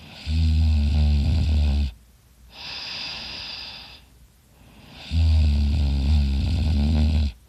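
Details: Loud snoring during sleep, with rough, rattling snores on each breath in and a quieter hissing breath out between them.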